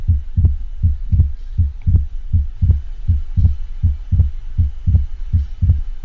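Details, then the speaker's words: Heart sound simulator: regular beat about 80 per minute with fixed splitting of the second heart sound, as with atrial septal defect or pulmonary hypertension. "the next thing we're going to listen to is the fixed splitting of the second harp sound as might be heard with either an atrial septal defect or pulmonary hypertension"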